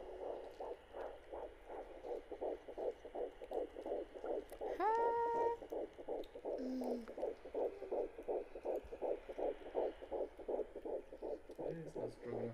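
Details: Home check at the end of the first trimester: a handheld Doppler, hard to keep on the baby, picks up rapid, regular whooshing fetal heartbeat pulses, about 160 on the sound, counted at roughly 162–165 beats a minute.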